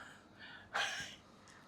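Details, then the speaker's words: 56-year-old man with frozen shoulder, shoulder pain about three weeks (history since 1998), during massage treatment saying it hurts a lot: a single short, sharp gasp of breath. "Ini sakit, Pak, ya? Gak. Wih, sakit sekali, Pak."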